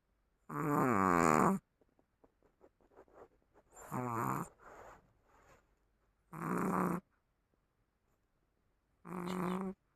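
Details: Chihuahua snoring.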